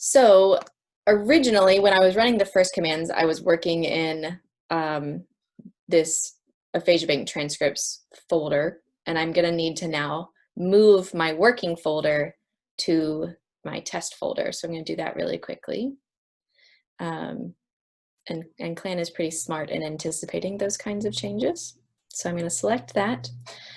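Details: Adult woman speaking; normal speech.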